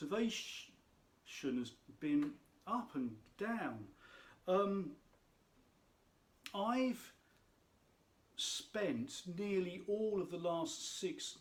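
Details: Adult speaker who states he has a stammer; stuttering (stammer).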